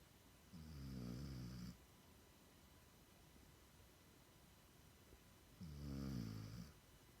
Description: Tyler 6 month old Siberian Husky snores while sleeping